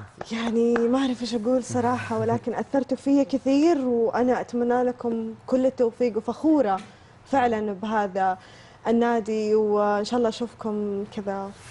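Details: Adult woman speaking Arabic; fluent speech.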